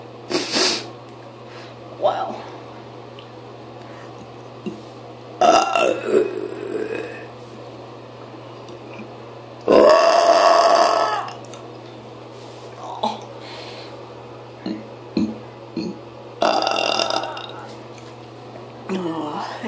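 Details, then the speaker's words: Person sick to the stomach with stomach pain, trying to burp while in a car: several loud, drawn-out belches separated by quiet pauses over low car hum; repeated burping. "I'm going to try to burp my stomach hurts but I'm going to try"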